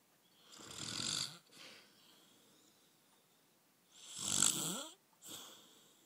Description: My husband snoring